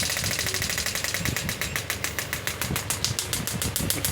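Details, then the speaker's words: Pneumatic radial shockwave therapy device (10-bar machine) firing, energy raised from three to 10 bar, frequency varied: rapid mechanical clicking pulses, about three to four a second, firing rate shifting as frequency is adjusted. "the device is ready when I will press the save it will start giving shock you can see it's three bar energy"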